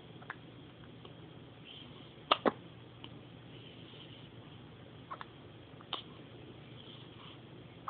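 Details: Hiccups.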